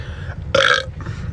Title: Burps Compilation